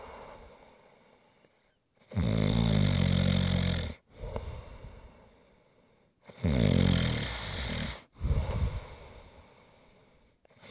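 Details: Loud, rattling snores on each breath in with quieter breaths out between, about 13 breaths a minute; snoring recorded as ASMR relaxation sounds.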